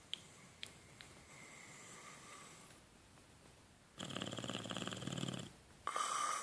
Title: Funny snoring boxer